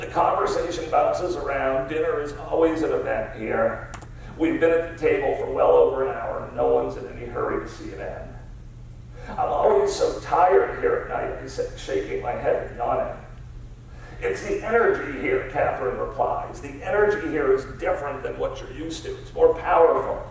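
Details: Man with spasmodic dysphonia diagnosed at Mass Eye and Ear, a rare neurological disorder affecting only speech with no known cause or cure; treated with periodic Botox injections; voice not consistent or comfortable, resetting each morning; spasmodic dysphonia.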